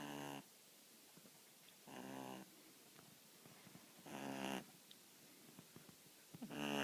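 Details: An 8-week-old puppy fast asleep and snoring on her first day in a new home: rattling, buzzy snores on each breath, about every two seconds, with quiet pauses between them.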